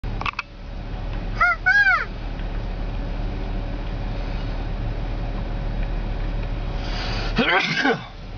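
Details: A man, a husband, gives voiced, rising 'ah-ah' catches of breath, then a sharp burst with a voiced ending: a sneeze.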